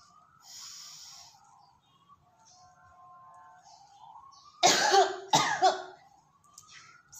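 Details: Deep breath in through the nose, then two forceful coughs from the mouth, with faint music behind; a demonstration of the effective cough and deep-breathing procedure to clear phlegm into a covered container.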